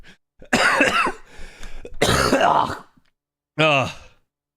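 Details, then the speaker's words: Adult who says they feel better but has a "death rattle" cough: two harsh, rattly coughing bouts followed by a brief voiced groan; cough. "Hello chat I'm actually a lot better today but I have a like death rattle cough"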